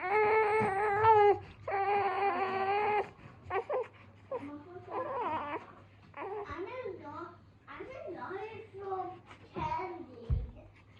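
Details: 51-day-old baby girl crying: rhythmic wailing cries that settle into softer fussing sounds; infant cry.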